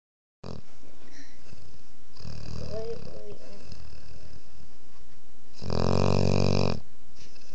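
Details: A 5½-month-old female Boerboel puppy asleep with her head on a lap snores: two long, low rumbling snores separated by quiet breathing over faint room noise; ordinary sleep snoring.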